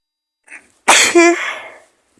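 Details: Simulated cold scenario in which the speaker says they are really sick with an awful cold, maybe flu, with fever: a short breath in, then one loud, explosive sneeze with a voiced tail.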